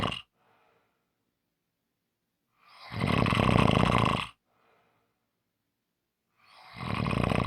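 Loud harsh rattling snores on the in-breath, about 4 seconds apart, with quiet out-breaths between. Heavy snoring.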